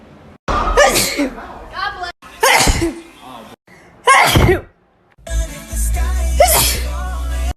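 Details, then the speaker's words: Compilation of TikTok sneezes, including one person trying to make themselves sneeze within 15 seconds using a piece of grass: several forceful sneezes from different people, some with voiced gasps before them, over background music. "I was there seeing something buzzing trying to make myself sneeze in less than 15 seconds with a piece of grass"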